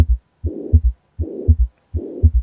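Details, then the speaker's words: Mitral regurgitation: soft holosystolic murmur between heart sounds with an extra third sound (S3) after the second, giving a gallop rhythm. "dan cuenta que también es un soplo Que es suave pero ahora es olo sistólico y con un ritmo de galope en el contexto de este S3"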